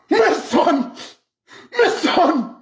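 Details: Imitated sneezes in a comedic skit showing how people from different countries sneeze, with music and applause.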